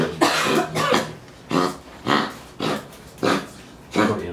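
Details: 10-year-old female Pomeranian with a persistent cough for 2 weeks, recurring after a November episode and unresponsive to the same medicine; vet X-ray showed lung and throat inflammation and cardiomegaly, with irregular heartbeats. Seven harsh, hacking coughs.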